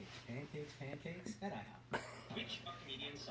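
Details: One-year-old with a bad cough: repeated coughing.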